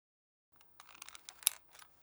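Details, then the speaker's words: A few soft plastic clicks and rattles, then a sharper click as the lever of a Diskus dry-powder inhaler is pushed down after opening the cover, signalling the dose is loaded and ready to inhale; instructional demonstration. "Do të dëgjoni një klik që tregon se doza është gati për t'u marrë."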